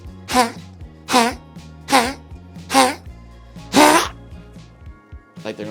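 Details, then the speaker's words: Small dog (breed not stated) with tracheal collapse gives about five harsh, honking, gagging coughs in a row over background music; the trachea folds in and creates a tickle, and little or no spit comes up. "going to cough up something but nothing ever comes out or maybe a little spit. But it's because the trachea is folding in, it creates a tickle."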